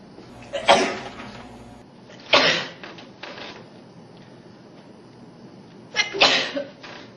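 Three forceful sneezes with breathy lead-ins, a few seconds apart; ordinary sneezing.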